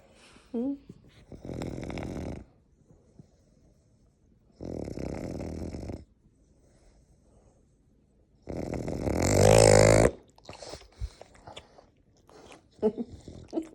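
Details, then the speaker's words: French Bulldog snoring while awake: three loud, rough, fluttering breath sounds a few seconds apart, the last the loudest, with small snorts between; snoring-type noisy breathing. "How are you snoring while awake? Hmm?"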